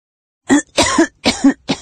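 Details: Four short, sharp adult coughs in quick succession, some with a slight throaty double pulse, recorded on a Google Pixel 4a phone; cough.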